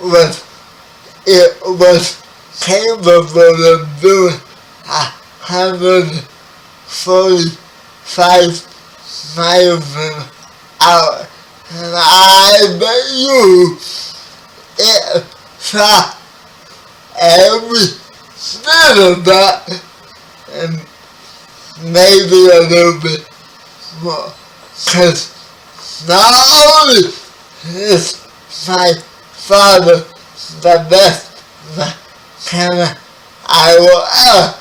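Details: 30-year-old man with spastic quadriplegic cerebral palsy, born 11 weeks premature; dysarthria.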